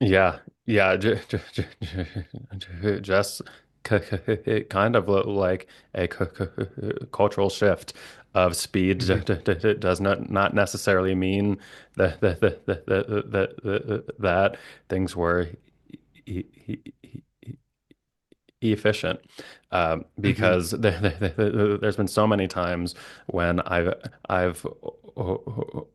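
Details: Stuttering with repetitions and blocks in an adult male speech-language pathologist who stutters.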